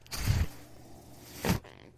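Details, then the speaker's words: Speaker's own mechanical ventilator, heard while they talk during recovery from an illness: two rushing, low whooshing air bursts with a quiet hiss between them as it cycles. "I'm glad to be back my name is renan [Music] m that noise you're hearing is my"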